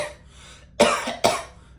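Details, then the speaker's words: Adult man retelling a movie-theater story, imitating another moviegoer's repeated coughing during a Harry Potter film: two harsh, forceful coughs after a faint breath; cough. "oh God my goodness he starts coughing and"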